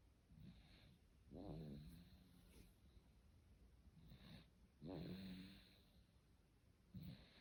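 Rough, rattling low snores on the breaths in, recurring about every three to four seconds with quieter breathing sounds between; ordinary snoring.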